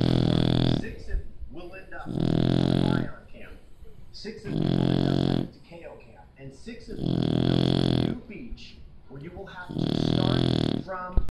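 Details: Shar Pei puppy snoring in sleep: loud, rough, rattling snores with each breath, about five in eleven seconds, soft snuffling between.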